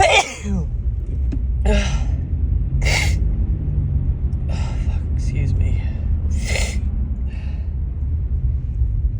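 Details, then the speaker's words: Woman with suspected grass pollen allergy, nose tickling, sneezes harsher than normal: several sharp sneezes in a row, each with a quick intake of breath before it, over steady low background rumble; sneezing. "Oh God, my nose tickles so much. Oh God, so these are like way harsher than my normal sneezes."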